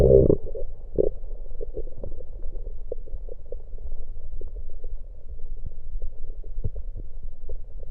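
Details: Own stomach recorded with an electronic USB stethoscope while drinking Coke: stomach gurgling bowel sounds with gulping of soda and burps inside.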